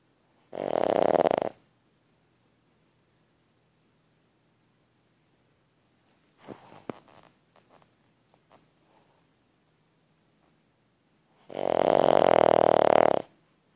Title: Lilly snoring